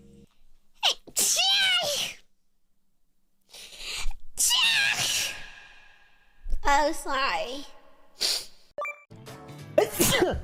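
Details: Compilation of several separate loud sneezes from different VTuber streamers, each a sharp in-breath then an explosive burst, with background music.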